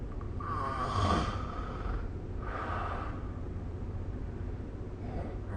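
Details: Snoring during sleep recorded with the SnoreLab phone app: two rough, rattling breath sounds a couple of seconds apart over a steady low background hum.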